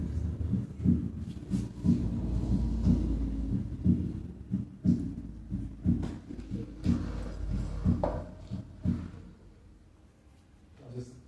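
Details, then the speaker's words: Normal heart sounds at the aortic area, S1 heard as a single sound and S2 louder than S1, at 60 beats per minute, played as a teaching example. "pasemos al área aórtica donde s1 se oculta Como ruido único nótese que s2 es más sonoro que s1"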